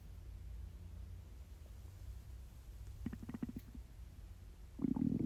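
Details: Low gurgling rumbles in two short bursts over a quiet background: hunger stomach growling (borborygmi) from a totally empty stomach during a self-recorded 24-hour fast.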